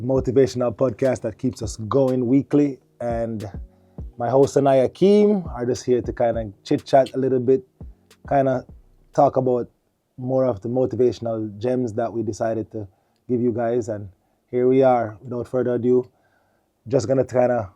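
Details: Adult male speaker; normal speech.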